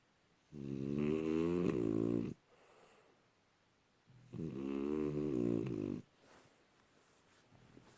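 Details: Dog snoring: two long, loud rattling breaths about two seconds each, separated by quiet exhalations; typical snoring.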